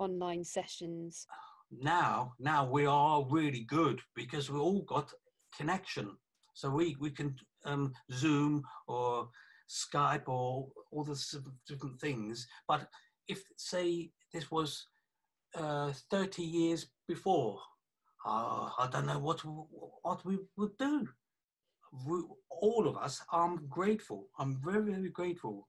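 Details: 48-year-old man with aphasia after a stroke about three years earlier (January 2017) that also affected his right side; aphasia.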